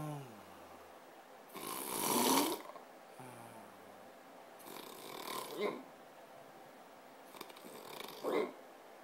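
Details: Loud, harsh, rattling snores on each in-breath, about three in nine seconds, from a sleeper who snores like this every night: heavy snoring.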